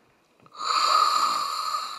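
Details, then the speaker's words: In a lecture on snoring and sleep apnea, an ENT doctor vocally imitates a whistling type of snoring, a sound made as air passes through a narrowed airway. "근데 좋은 곳을 통과하는 소리가 코골이 소립니다"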